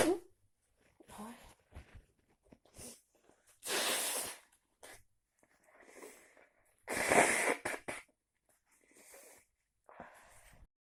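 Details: Repeated sneezing after walking in cold, heavy rain without an umbrella: two loud, explosive sneeze bursts with short breathy sounds and sniffs between them, in a quiet room.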